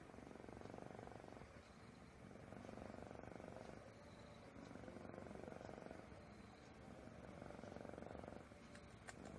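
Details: Pet cat sleeping and very drowsy at 5:49 in the morning: soft rhythmic snoring with about four slow breath cycles and a fine purring rattle, normal snoring of a sleepy cat.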